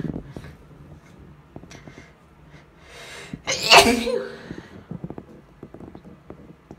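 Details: Female with a hayfever-or-cold query: quiet sniffing and a building in-breath, then one loud explosive sneeze with a voiced cry, followed by sniffles.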